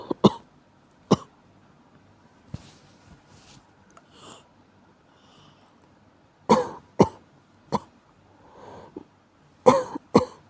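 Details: Cough from someone who has caught a common cold.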